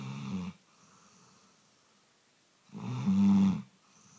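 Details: Labrador snoring during sleep: two loud, low rattling snores separated by a quiet pause, each a drawn-in snoring breath.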